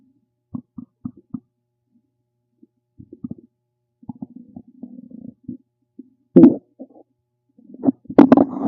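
Irregular gurgles, squelches and low rumbling bursts from the belly in a quiet room; ordinary stomach rumbling, a normal sign of gut activity.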